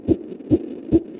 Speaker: Hear that? It's the heartbeat of an infant in the womb at 6 months. His heart's beating at about 140 beats per minute.